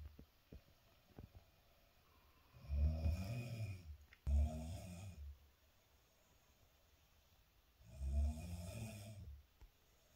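Three low, rumbling snores with quiet pauses between them in a quiet room; ordinary snoring.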